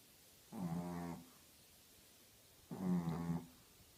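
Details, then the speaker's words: A 13-year-old Shih Tzu snoring loudly: two loud, low, buzzing snores about two seconds apart in a quiet room; snoring. "oh wow girl you snore so loud she really does she keeps me up all night"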